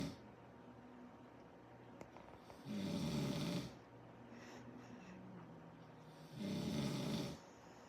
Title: Snoring Coyote Brothers